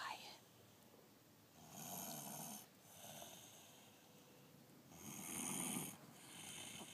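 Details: Person asleep after coming home from school: two long, rough, rattling breaths about four seconds apart over quiet room noise; snoring.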